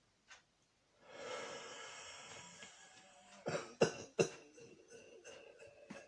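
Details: Intense coughing fit with a cold: long rough exhalation, then three sharp harsh coughs in quick succession, followed by strained breathing.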